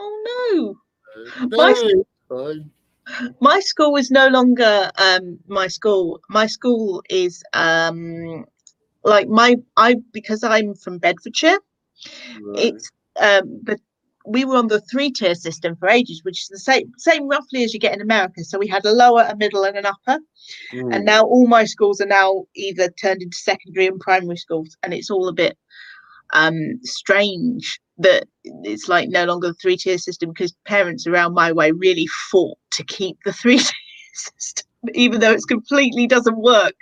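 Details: Adult female speaker; ordinary conversational speech.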